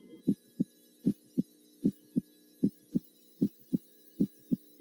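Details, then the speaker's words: Stethoscope on the mitral area (fifth intercostal space, midclavicular line) in a physical examination demonstration: regular paired heart sounds at about 77 beats a minute, normal first and second heart sounds. "warm the stethoscope listen first in the aortic area the pulmonic area the third intercostal space left of the sternal border known as herbs point the tricuspid area the left lower sternal border and the mitral area the fifth intercostal space midclavicular line"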